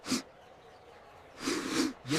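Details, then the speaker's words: Two sharp, hissing bursts of air a second apart, each ending abruptly: a pair of sneezes, presented as an example of the photic sneeze reflex triggered by bright sunlight. "कुछ लोगों में तेज रोशनी sneeze reflex को भी trigger कर देती है। इसीलिए धूप देखते ही छींक आ जाती है। इसे फर्टिक स्नीज रिफ्लेक्स कहते हैं।"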